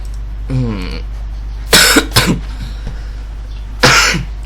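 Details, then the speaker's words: Adult man with a slight fever, coughing intermittently while recording: a brief voiced sound, then three short, sharp cough bursts over a low steady room hum. "ไปครับใบเป็นไขนิดหน่อยนะจะมีเสียงไอนิดหน่อยนะเป็นช่วงๆไปนะครับ"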